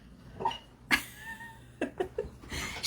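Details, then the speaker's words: Sleeping dog, exhausted after a camping trip, snoring: short snorting, wheezy breaths with a faint whistling note through the nose. "That's my dog snoring. Shelby is snoring. I don't know if you can hear it."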